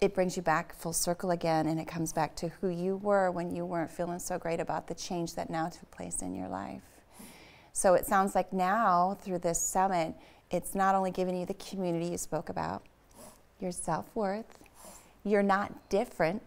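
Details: Adult woman speaking; normal speech.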